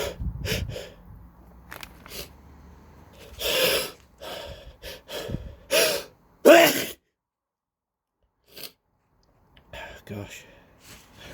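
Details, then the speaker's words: Sneezing with a cold: a run of several loud explosive sneezes with sharp indrawn breaths between them, then quiet. "Excuse me. I'm gonna sneeze again."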